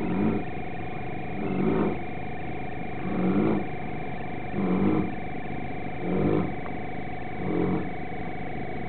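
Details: A Mastino (mastiff) dog napping in the backyard, snoring: snoring.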